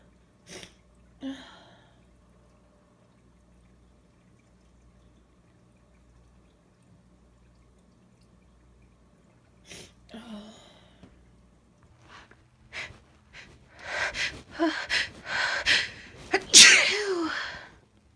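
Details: Female sneezing from a tickle: a few short breathy bursts, then a cluster of louder sharp sneezes with intake gasps near the end; series of sneezes.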